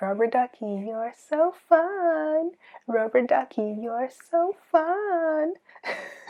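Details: Autistic adult female demonstrating her earliest remembered echolalia from about age three, delayed and repetitive, used mainly for stimming; echolalia (delayed, repetitive).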